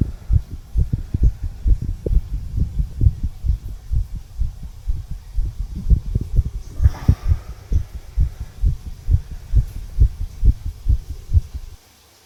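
Steady, regular lub-dub heartbeats in clear pairs, with no added sounds; normal adult heart sounds.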